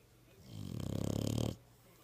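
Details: Dog sleeping with its eyes open, described as very tired: a single long rattling vibrating breath of about one second; snoring.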